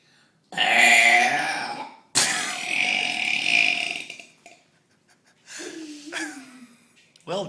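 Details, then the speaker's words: Deliberate "championship" burping in a small room: two long, loud, voiced belches with a rasp, then a shorter third. "It should be championship burping. Got another one?"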